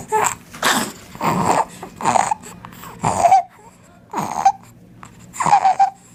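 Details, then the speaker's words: Child with croup (acute laryngitis) making repeated noisy, high-pitched crowing sounds on breathing in: inspiratory stridor from airway narrowing, shown after a barking cough example in a lecture on laryngitis in children. "inspiratory so if you see this sound is coming out after he's trying to breathe like taking the air"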